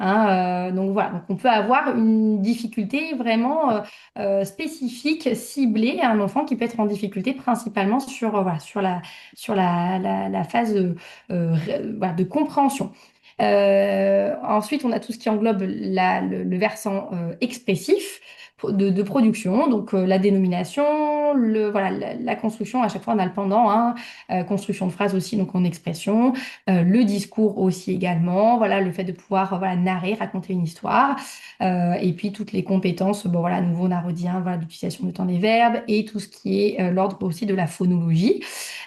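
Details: Adult woman speaking French; typical adult speech.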